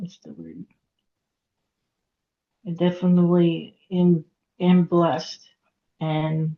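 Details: Aphasia in a woman after a hemorrhagic stroke at age 36 in September 2018; she could not talk for 2 years and now speaks after recovery.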